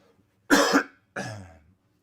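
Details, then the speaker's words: Adult man overcoming a cold, coughing during a live show: two separate coughs in a quiet room, a harsh loud first burst then a softer trailing second. "also you will hear me coughing and like that because I am overcoming a cold"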